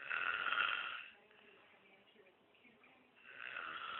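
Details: Sleeping monkey snoring: high, raspy snores every few seconds, with quieter breathing between.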